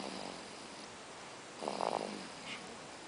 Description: This is snoring around 7 weeks old.